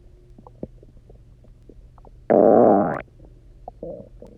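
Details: Borborygmi after about 24 hours of eating almost nothing, then chugging water and lying on the side: a loud, resonant gurgling growl under a second long with faint gurgles around it, typical hunger rumbling.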